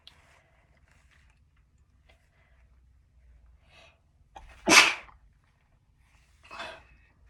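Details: One loud explosive sneeze after a quiet intake of breath, followed by a softer trailing breath out; sneeze.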